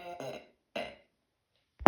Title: Diarrhea from spicy noodles and nauseous burps